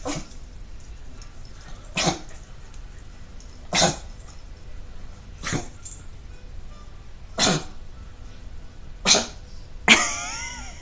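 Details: Dog gives six short, harsh coughing bursts spaced a couple of seconds apart, the last followed by a brief whine: dry repeated cough.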